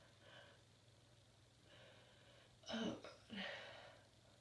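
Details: Two sharp explosive bursts close together over a steady low room hum, described as cold sneezes; a pair of sneezes.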